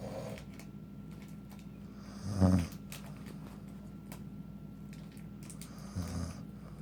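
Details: Two short, low, rough snorting snores about three and a half seconds apart over a steady room hum; snoring.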